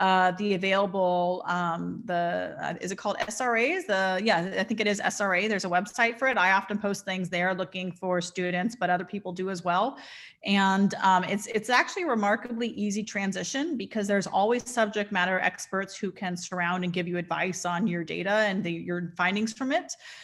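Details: Adult woman; typical speech.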